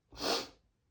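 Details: Male during a desperate sneezing fit, announcing sneezes, about 100 sneezes so far that day by 2 pm: a single forceful, explosive sneeze that fades quickly; strong, unstifled sneeze.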